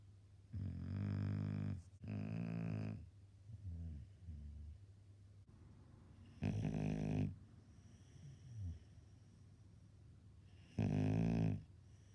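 Loud, low rumbling snores on the in-breath, with quieter breaths between, in a quiet room: heavy snoring in a sleeping dog.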